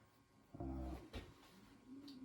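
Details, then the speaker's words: Sleeping dog snoring loudly after a long run: a single loud, low, buzzing snore with quiet room noise around it. "Can you hear Roxy snoring in the background? It's pretty loud. She went for a big long run today,"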